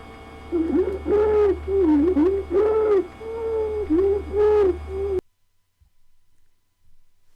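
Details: Stridor, a rapid, harsh, high-pitched musical noise with each breath, rising and falling in pitch over a steady hum, from a narrowed upper airway; teaching example of breath sounds in children with shortness of breath.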